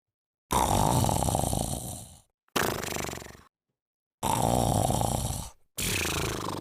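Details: Sleeping rescue cat: loud, rough, rattling snores, four breath sounds in about six seconds, alternating longer and shorter bursts; snoring.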